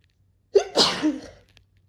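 A single sharp sneeze with an indrawn breath before it, in a quiet room.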